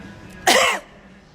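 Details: An adult woman deliberately coughs in the face of a cancer patient at a store, as seen in a viral video: a single forced, harsh cough burst made on purpose, not from illness.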